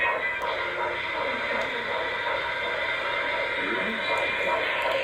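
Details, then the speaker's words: Fetal heartbeat on Doppler at a 12-week prenatal appointment: fast, rhythmic whooshing pulses through hiss, rate stated as 161, described as very strong; home voice recording of the clinic Doppler. "but we were able to hear the heartbeat which was very exciting and joe did a voice recording so i can play that for you"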